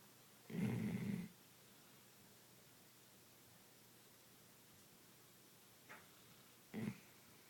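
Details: Snoring during sleep: one long, low rumbling snore, then quiet breathing and a second, shorter snore in a quiet room.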